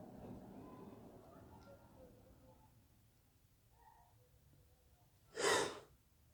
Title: wet sneezes